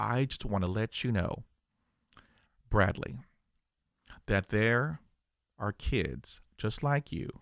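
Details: Adult male who stutters; stuttering.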